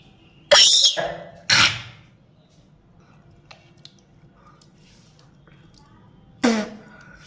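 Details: Repeated coughing with gagging during teeth brushing and tongue cleaning: three harsh, forceful coughing and retching bursts with quiet gaps between; cough with gagging.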